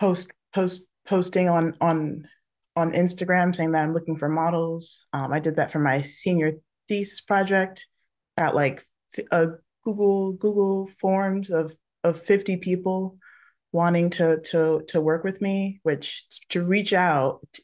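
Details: Adult panelist who stutters, with part-word and word repetitions; stuttering.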